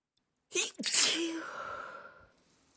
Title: girly stifled sneezes